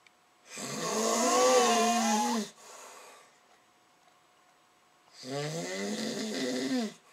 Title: Bloomers snoring